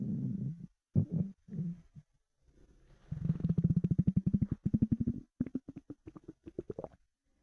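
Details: Stomach rumbling after about 4 hours without food: low gurgling bursts, then a long rapid bubbling rumble and shorter gurgles, normal hunger bowel sounds (borborygmi).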